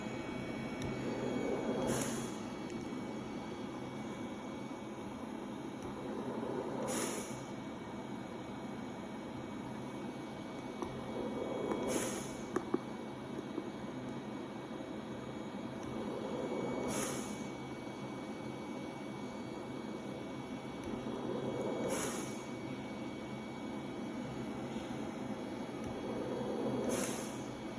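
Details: LTV 1200 portable transport ventilator for adult and pediatric patients delivering regular hissing air pulses about every five seconds over a steady mechanical hum: mechanical ventilator operating sound.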